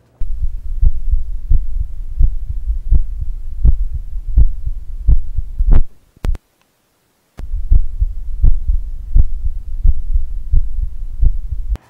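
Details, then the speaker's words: Heartbeat recorded with an iPhone used as a stethoscope through a recreational stethoscope app that also draws a heartbeat chart: regular dull beats at about 87 a minute, with a brief dropout midway. "I know I know that video is a little weird but it generates a heartbeat chart kind of cool"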